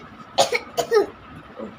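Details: A child gives two short, dry, acted coughs in quick succession against faint room noise while pretend-playing with a baby doll: a simulated cough.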